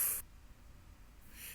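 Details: Acted snoring in a scene from a Bangla-dubbed Turkish TV drama: snoring.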